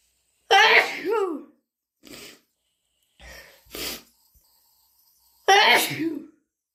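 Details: Two loud explosive sneezes, deliberately induced by allergy, with softer sniffs and breaths between them; allergic sneezing.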